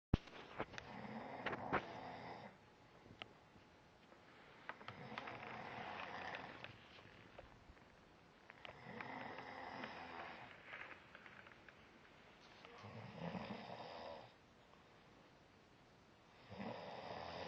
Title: snore. snore. snore. snooooore. zzzzz